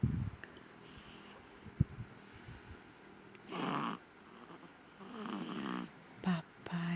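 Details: Sleeping infant snoring: two rough, rattling snoring breaths in a quiet room; loud snoring despite young age.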